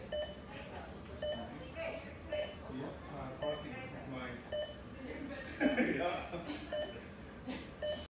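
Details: Steady electronic beeps about every two seconds from a bedside heart monitor in an emergency room, with background room noise and voices.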